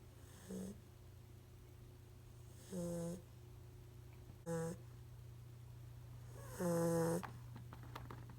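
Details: A five-month-old puppy napping in the afternoon gives four tonal, whistling-buzzy snores at irregular intervals over a steady low hum; snoring.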